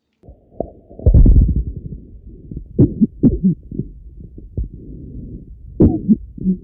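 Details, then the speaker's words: Littmann Core digital stethoscope on a person's back during coughing: loud, booming low-pitched cough thumps with muffled chest noise between; cough heard through a stethoscope. "I've got an example for you guys for um me listening to someone's back whilst they are coughing and just imagine this is in your ears rather than on your mobiles or on your um computers"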